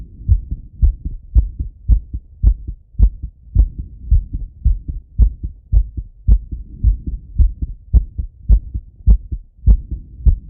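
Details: Male self-auscultating his heart with a stethoscope after a workout set: fast, regular, clear lub-dub pairs at about 105 beats a minute; normal heart sounds with the rate raised by exercise.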